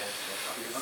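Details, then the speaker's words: High-flow nasal cannula being fitted into a person's nose, with flow adjusted for comfort (lower start around 30 L/min suggested if too much): steady loud hiss of oxygen gas rushing through tubing. "if it's too much flow for the patient right off the bat start in a little lower flow rate like at 30 so that they're not too uncomfortable"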